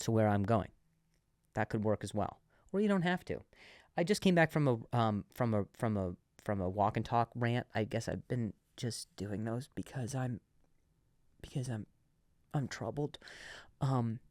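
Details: Adult male comedian who has stuttered and still sometimes stutters, less than before, and has worked with a speech therapist: stuttering.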